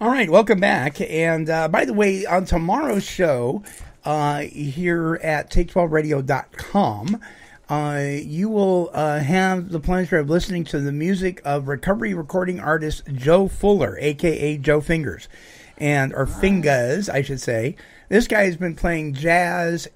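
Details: Adult speaker, radio-style monologue; normal speech.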